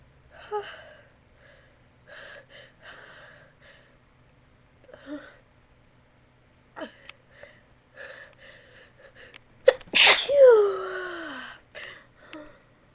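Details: Several quiet sniffs and held breaths while trying to hold in a sneeze, then a sharp gasp and a single loud sneeze with a trailing vocal sound.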